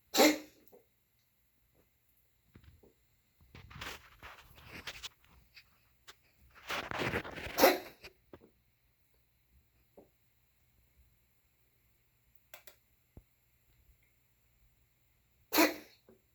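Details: Dog gives short, sharp cough-like bursts with rough huffing and snorting breaths between them; coughing.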